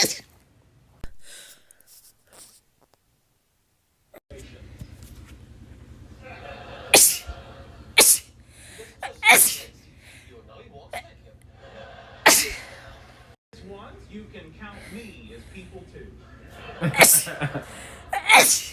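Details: A run of about six or seven quick, sharp sneezes in close succession with quiet background noise, from a compilation of one person's rapid repeated sneezing.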